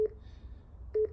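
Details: Corpuls patient monitor in demo mode while CO2 monitoring settings are changed with the scroll wheel: two short, clear electronic beeps about a second apart in a quiet room; patient monitor key-press beep.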